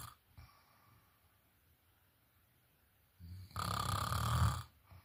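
A quiet pause, then a loud, low, vibrating snore on an in-breath; typical snoring.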